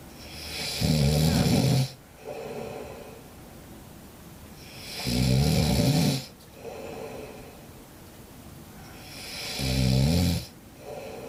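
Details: Sleeping cat, with a hashtag suggesting it is not true snoring: loud, rhythmic snoring on inhalation with a softer rustle on each exhalation, about 14 breaths a minute.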